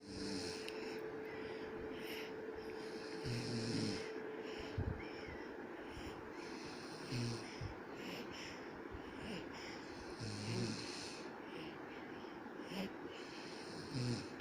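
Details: Father snoring while a baby sleeps: soft, irregular snorting snores, roughly eighteen breaths a minute, against steady room hum; mild snoring.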